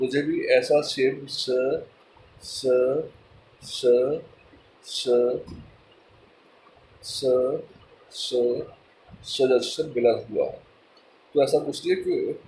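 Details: Stuttering in a person who stammers, speaking mixed Hindi and English; finding: stuttering.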